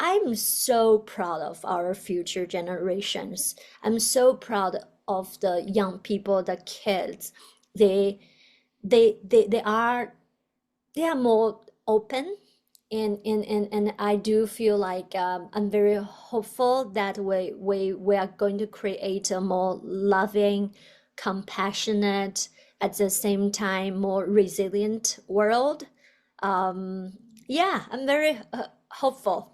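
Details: Adult woman, a person who stutters, doctoral student in communication sciences and disorders (stuttering)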